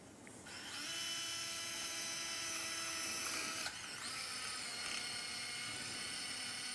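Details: Steady high-pitched whining drill that dips briefly as it bites, then runs on: a surgical drill boring bone for the last screw of a pubic symphysis plate during polytrauma pelvic and acetabular fixation.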